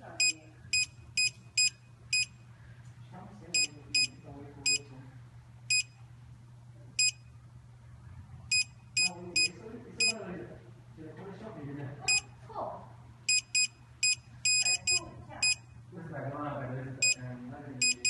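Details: Bursts of short, high electronic beeps, some quick and clustered, over quiet room noise with faint voices: audible signal of an apex locator during root canal therapy.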